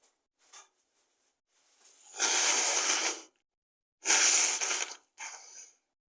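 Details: Female, deliberately triggered by tickling the nose with a tissue, very snotty: two forceful, wet, explosive sneezes, each preceded by sharp inhalations and followed by a brief sniff.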